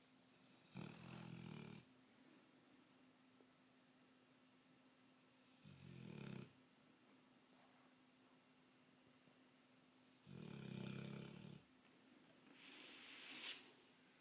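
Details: Sleeping Bullmastiff snoring: four deep, rumbling snores roughly every four to five seconds in a quiet room; loud snoring in a large dog.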